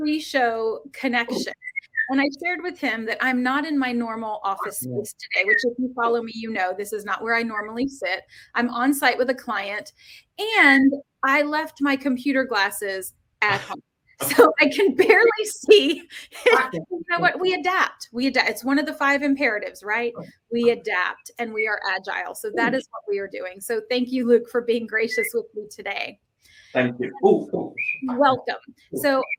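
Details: Adult woman speaking; normal speech.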